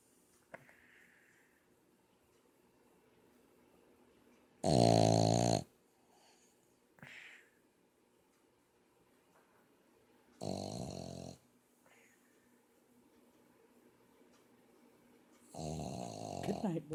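Loud, buzzing snores from a sleeping dog about every five to six seconds, with quiet breaths between; snoring.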